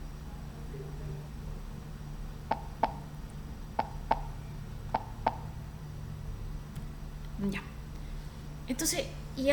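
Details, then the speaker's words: Systolic click: three cycles of sharp, crisp paired heart sounds at about 50 a minute, with a click in systole, then faint room noise. "y un clic hay un clic pero en la parte de la sístole"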